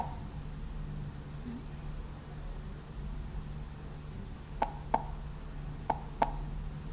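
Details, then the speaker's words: Systolic click: after a few quiet seconds, two heartbeats with sharp, high-pitched snapping sounds close together over a low hum, a click between the first and second heart sounds. "y un clic hay un clic pero en la parte de la sístole"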